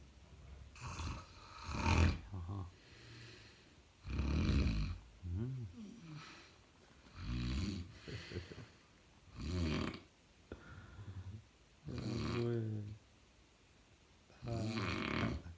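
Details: Loud, irregular, rumbling snores with snorting, around twenty-five a minute, with voices talking in the background; heavy snoring.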